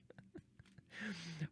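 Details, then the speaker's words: Soft gurgles and clicks build into a longer, low, slightly squeaky growl from an adult's stomach while he or she reads aloud; stomach rumbling (borborygmi). "can you hear my tummy rumbling?"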